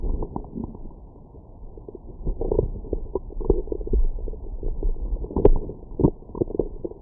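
Irregular low gurgles and bubbling rumbles throughout; ordinary stomach growling after a meal.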